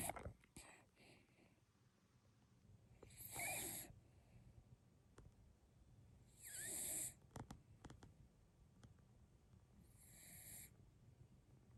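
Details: Soft, rough snoring on each breath, about 18 breaths a minute, faint over low room noise: snoring.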